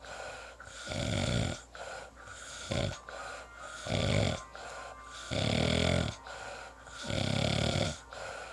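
Loud, rough, rattling snores on each breath, about six in eight seconds, with quieter breathing between; snoring.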